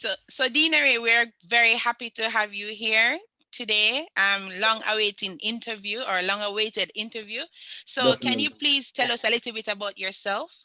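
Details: Adult woman speaking; normal speech.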